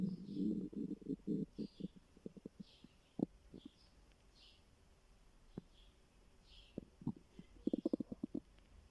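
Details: Stomach growling from hunger: gurgling, bubbling rumbles and short pops in bursts with quiet gaps.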